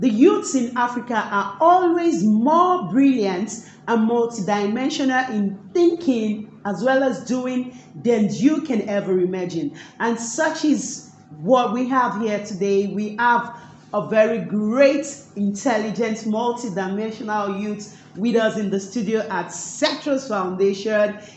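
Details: Adult female speaker; normal speech.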